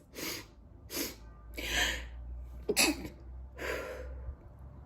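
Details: Woman's run of five sharp, explosive sneezes, each with a quick breath in before it, followed by nose blowing; ordinary sneezing.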